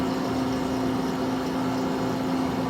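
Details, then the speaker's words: Companion 5 stationary oxygen concentrator running, flow rate near 5 L/min: steady motor hum with a constant low tone and airy noise. "To set your flow rate to the prescribed setting, line the black ball up exactly with the line of your setting."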